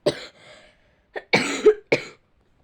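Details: Three short, harsh coughs in quick succession from a girl who says she is ill.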